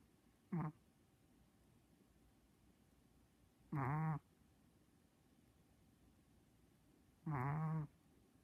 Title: SNORING CHIHUAHUA - SO FUNNY